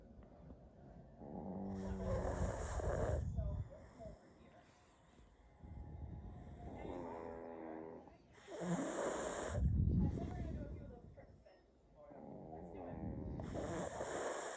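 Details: A sleeping pug gives loud, rattling, snorting snores with whistling edges about every three seconds; noisy flat-faced dog sleep breathing, snoring.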